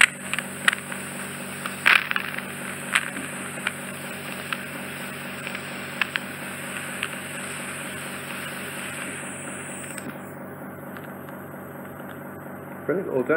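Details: Bilateral microsuction ear wax removal, drawing wax off the eardrum: a steady high-pitched suction hiss with crackling pops, then the hiss cuts out. The skin being suctioned is making the high-frequency squeal.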